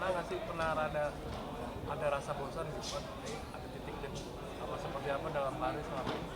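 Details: Adult speaker; interviewer speech.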